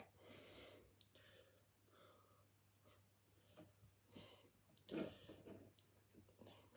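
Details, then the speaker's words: Pet dog snoring while lying beside an armchair, with a second dog also in the room: irregular, noisy snorting breaths with a rough, fluttery quality in a quiet room. "So do apologise, you can hear snoring, particularly Do"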